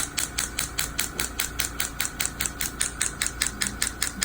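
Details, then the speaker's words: Sharp, regular tapping pulses, about 270 a minute, over a low hum: low-intensity extracorporeal shockwave therapy on a young man's Achilles tendinitis after PRP injection, part of a weekly series, moved toward the point of maximal tenderness. "as you guys can see I'm I started a little a little bit lower and then I'm moving my way closer to the demarcated point of maximal tenderness"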